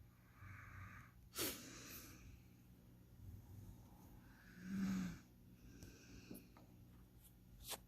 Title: when your girl says she doesn't snore. PROOF RIGHT HERE BABY